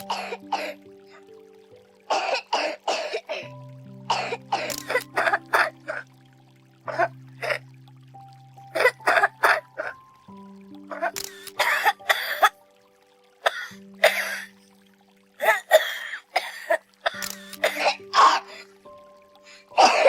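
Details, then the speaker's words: Infant cough types played one after another over soft music: barking (croup), wet phlegm (cold), dry (asthma/allergy), tough (flu), wheezing (bronchiolitis) and whooping, each with differing character. "નમસ્કાર બાળકને ખાંસી છે પણ કઈ પ્રકારની છે એ ખબર છે કેમ કે બધા અવાજ એકસરખા નથી આવતા"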